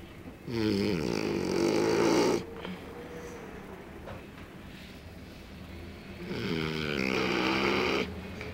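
Two long, loud, rattling snores separated by a quiet pause, typical of a sleeping dog snoring.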